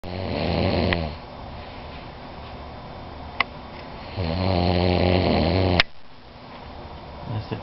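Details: Man who says he doesn't snore, snoring: two loud, low, rattling snores about a second long each, separated by quiet breathing.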